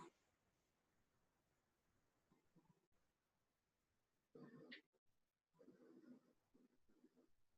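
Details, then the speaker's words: Obstructive sleep apnea patient recording from a sleep disorders lecture: about four seconds of near silence, not breathing, heart said to stop 10 seconds, then abrupt snorting, choking breaths as the airway reopens. "so look he's trying he's trying to breathe he's not breathing though his heart stops for 10 seconds"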